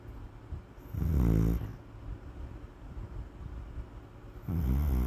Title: Bruizer Pitbull Sleeping And Snoring